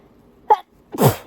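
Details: Tissue sneezing fit from someone feeling particularly itchy, not induced: two sneezes, a short sharp first burst, then a stronger explosive second one after a brief pause.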